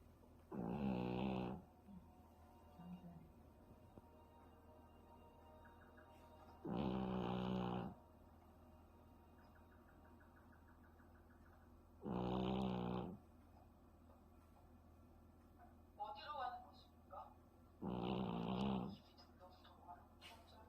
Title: #토비(댕댕이)#코 골아요#산책한다고 피곤했나봐요#🤭🤭🤭#Toby (dog)#snoring#he must have been tired from walking#🤭🤭🤭